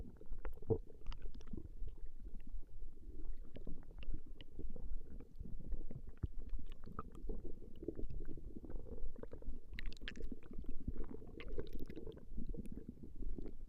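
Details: Woman's stomach growling recorded over a 20-minute session: low, irregular gurgling and rumbling running continuously, ordinary bowel sounds of digestion (borborygmi).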